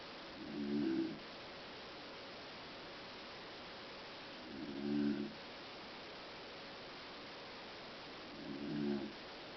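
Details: Snoring person: three regular low snores, about 15 a minute, each a short rattling breath over a steady background hiss.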